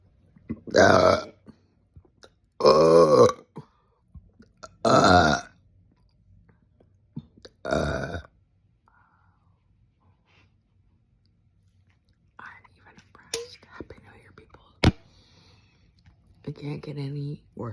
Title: Hot steamy red bean buns | Loud long ginger ale burps | Happy New Year!🫧🥰#burping #burps #gassy